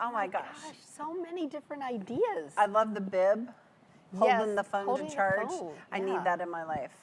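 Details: Adult woman speaking; Normal speech.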